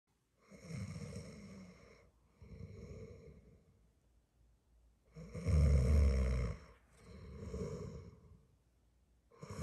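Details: Person snoring in sleep, described as not very loud today: rough, buzzing snores on both inhalation and exhalation in paired bursts about every five seconds, roughly 12 breaths a minute, moderate loudness; snoring.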